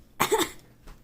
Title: i died by coughing rip tell me if u drink prime